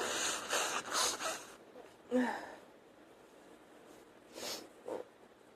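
Rapid burst of hissing nasal and throat sounds, then a single harsh cough and two shorter breathy bursts; cough with sneezing or nose blowing.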